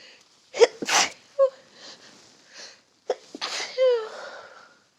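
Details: Two forceful sneezes a few seconds apart, each with a sharp indrawn breath before the burst, during a fall sneezing fit.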